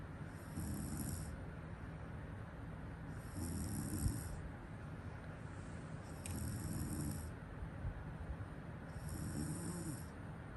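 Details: Sleep snoring: low, rumbling snores with each breath, about 22 a minute, over steady room noise.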